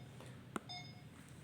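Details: Boztron BT-1800A bedside patient monitor: a soft click, then a short electronic beep, in a quiet room with faint hum.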